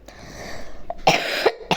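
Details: Two or three short, harsh coughs from a child in a small room during an online chess game; the child says he has a cough.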